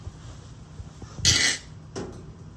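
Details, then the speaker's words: Person imitating a dog's reverse sneeze, one harsh, noisy snorting burst then a softer one; imitation of a dog's normal reverse sneeze, which can resemble gagging, retching or coughing. "It's reverse sneeze, completely normal. Dogs do it all the time."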